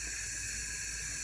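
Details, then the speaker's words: Large volume jet nebulizer running as cool aerosol setup, delivering 30% cool aerosol to a tracheostomy, flow set so mist persists during inhalation: steady airy hiss, normal operating noise. "or you could just set it to where you see mist coming out and when they breathe in the mist doesn't completely disappear and that's a pretty good quick way to determine if your flow is set high enough"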